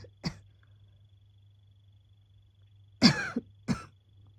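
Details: Adult woman with asthma woken by coughing: three coughs, one brief and two fuller, over a steady low hum; asthmatic cough.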